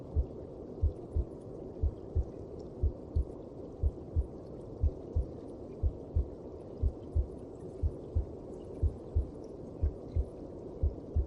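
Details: Steady, soft, thumping heartbeat at about 60 a minute over a low whooshing hum: a normal heartbeat as heard inside the mother's belly.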